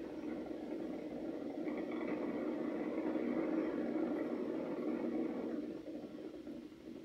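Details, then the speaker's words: Needle EMG of the right extensor digitorum in a female volunteer extending her fingers: a dense, continuous crackling roar that fades as she relaxes. A full interference pattern. "this electrical signal is what we analyze when we look at emg and it tells us the electrical signature of the nerve supply and the muscle"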